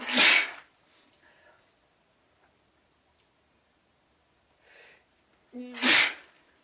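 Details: Sneezing with nasal itchiness but no blocked nose that day: two sharp, explosive sneezes a few seconds apart, the second preceded by a brief inward breath, with quiet sniffs between.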